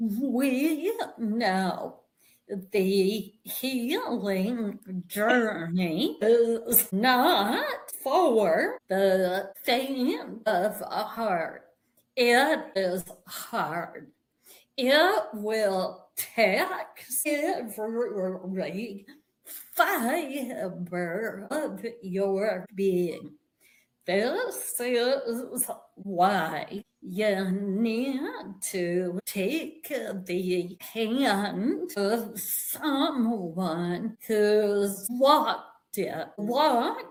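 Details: Vocal tremor in an adult guest, real; the tremor is described as having eventually manifested after decades of emotional abuse beginning in childhood; finding: vocal tremor.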